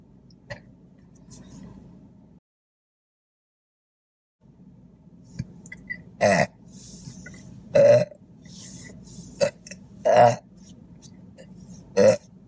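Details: Five loud, low, croaky burps over about six seconds, during a mukbang eating show of chicken fingers, fries, toast and Diet Coke; ordinary belching.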